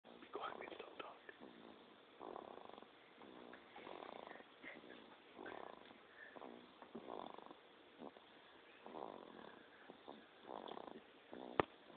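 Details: Snoring: quiet, rhythmic fluttering snores recurring about every one and a half seconds, soft against low room noise.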